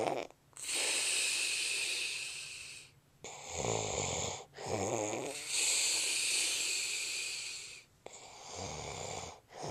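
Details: Adult man snoring during sleep, recorded by his wife: long hissing, airy breaths alternating with low fluttering rattles on breathing in, a noisy snore.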